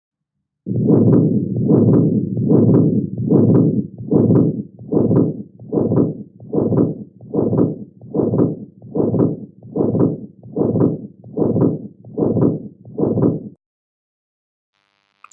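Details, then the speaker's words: Teaching recording of a patent ductus arteriosus murmur, best heard along the left sternal border: a continuous machine-like murmur through S1, S2 and diastole, about 74 per minute. "this is best heard along the left sternal border and it is a very mechanical sound listen how it continues right through s1 to s2 and right through s2 through diastole to s1 again making a very continuous machine like sound"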